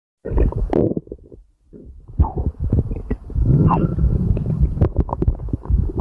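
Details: Loud, low gurgling and rumbling stomach noises during a gassy stomachache: borborygmi from gas moving through the gut.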